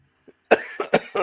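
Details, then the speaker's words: Lingering cough after a three-week chest illness, now on a second course of antibiotics, in someone with a weak chest: a run of three or four harsh coughs in quick succession. "But because I've got a weak chest, it's going to take me ages to get rid of this cough. And because I've got a weak chest and got the cough, every day I'm just completely exhausted."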